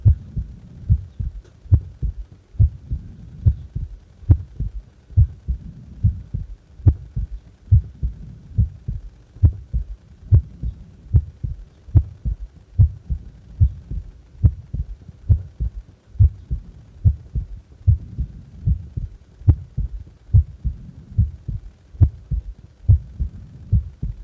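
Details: Normal resting heart sounds, recorded while doing nothing: steady low paired thumps at about 71 beats per minute.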